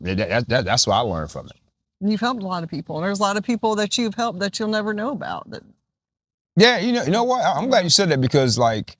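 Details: Adult speakers in conversation; normal speech.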